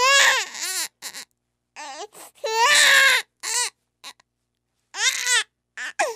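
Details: Sound-effect recording of a high-pitched infant cry in repeated wailing bursts separated by short gasping pauses; ordinary infant crying.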